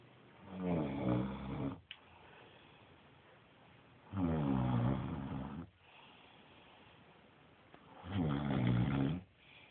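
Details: Child with special needs snoring in sleep: three loud, rattling snores about 16 per minute, each on a slow in-breath, with quieter breathing between; ordinary sleep snoring.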